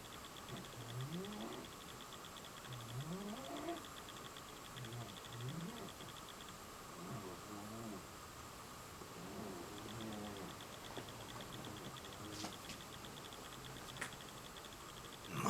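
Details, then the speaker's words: A pet cat snoring loudly while asleep: quiet, regular rising snorts and rumbling with each breath, about five breaths in fifteen seconds, against a steady room hum, as the owner remarks how loud it is. "you're snoring baby hey baby you were snoring loud i'll let you go back to sleep i just wanted to film you because it was so cute it was so cute and so loud huh"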